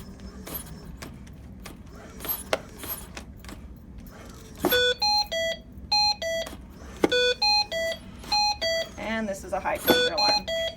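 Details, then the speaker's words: Hamilton ventilator (C1/T1) high-pressure alarm demonstrated, not on a patient: repeating patterned high-priority electronic tones over room noise and handling; the alarm typically occurs with patient coughing or bearing down against breaths. "so I will now try to demonstrate a high pressure alarm"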